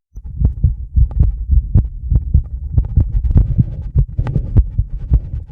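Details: Fast, regular heartbeat, about 130–140 a minute, from a microphone on the chest with a 10-lead EKG attached, after rebreathing the same air about 2 minutes for mild CO2 intoxication: sinus tachycardia.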